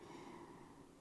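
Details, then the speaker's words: Pet dog snoring while asleep near the speaker: quiet, steady rasping snore with a low rough buzz. "sorry for the snoring it's my dog"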